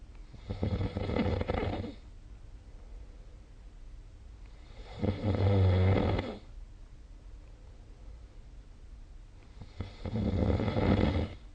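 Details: Snoring during sleep, recorded with the SnoreLab snoring app.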